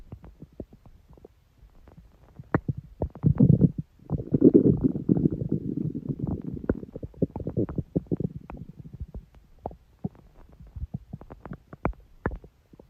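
Long, low gurgling and rumbling with bubbly pops from the belly. These are ordinary stomach growls from moving gas and fluid.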